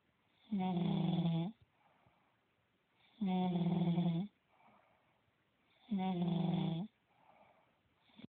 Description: This is a video of me snoring that my friend took. Not attractive at all. I sound like chubacka. lol